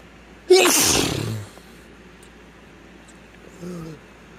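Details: One loud, explosive sneeze with a hissing rush of air, then a short voiced sound: a single sneeze from a male, induced with chhikni sneezing powder.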